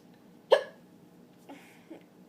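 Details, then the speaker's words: Person with hiccups recorded around midnight: one sharp, abrupt hiccup followed by a couple of fainter throat sounds in a quiet room; hiccups. "I'm showing you how to get rid of hiccups now I have hiccups right now you probably can't tell right now but I do have hiccups"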